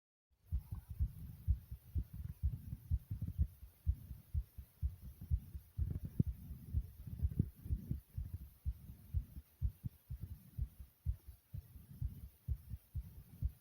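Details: Person's own heartbeat: steady, regular low thumping of an adult heartbeat, heard as repeated soft lub-dub pairs; heartbeat.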